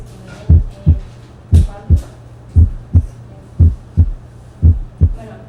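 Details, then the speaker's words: Heart sounds with a regular rhythm at about 58 per minute; normal split first heart sound with two close components of roughly equal intensity, heard between the apex and the sternum. "en algún sitio entre la punta y el esternón pueden reconocerse dos componentes de intensidad aproximadamente igual."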